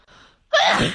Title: Sneezing compilation | Sneeze Tube